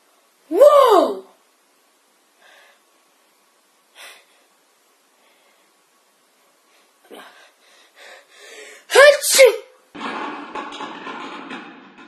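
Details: Two sneezes: sudden, loud voiced bursts, each a sharp inhale then an explosive release, with faint room sounds between.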